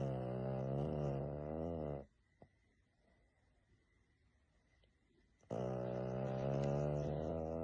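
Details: A French bulldog named Gidget snoring while sleeping: two long, loud, low buzzing snores separated by a few seconds of quiet breathing pause.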